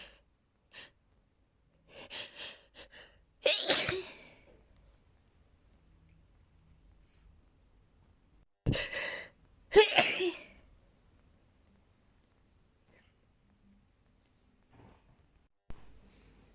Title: sneezing with buildups!